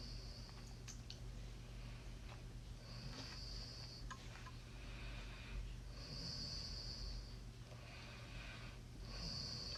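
Soft, hissing snoring breaths recur every few seconds over faint room noise, consistent with light snoring during sleep.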